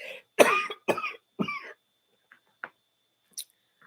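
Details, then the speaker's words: An adult coughing all evening: a quick run of three or four harsh, forceful, dry-sounding coughs in a quiet room; worse early morning and at night, which the person attributes to congestion. "Y'all, I've been coughing all evening. So I don't know how long this live going. It seems like it's worse very early in the morning and then at night."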